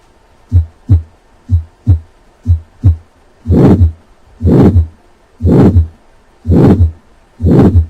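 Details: Aortic stenosis: three normal beats, then a harsh systolic murmur filling each beat, heard with the diaphragm at the second right intercostal space.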